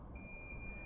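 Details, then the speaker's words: Infusion pump demonstrated with the line clamped above the pump: steady high electronic alarm tone over low room rumble, pump displaying upstream occlusion; infusion pump occlusion alarm. "it's beeping it now says upstream occlusion which means from the pump upwards there's a problem"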